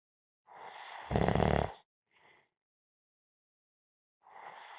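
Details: Person napping: a loud rattling snore on one breath, then a brief faint sound, then another breathy snore beginning.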